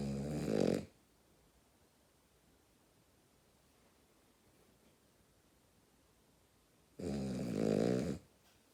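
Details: Sleeping female dog snoring very loudly: two short, rough snores about seven seconds apart, quiet room between them.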